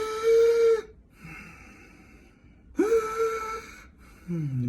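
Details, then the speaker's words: Doctor imitates stridor: high-pitched, crowing sounds on breathing in, unlike wheezing, which is heard on breathing out. Stridor signals narrowing of the trachea or upper airway. "in is called stridor and that means that there's some type of narrowing in your trachea narrowing in the upper airway"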